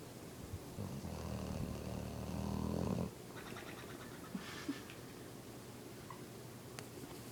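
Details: Boxer dog snoring and blubbering while asleep, apparently exhausted.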